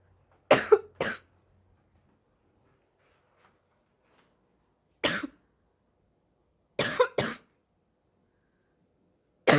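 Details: Harsh, abrupt coughs, about six in ten seconds, some in quick pairs and separated by silence, with gagging and spitting from a person who says they are very sick: a barking cough.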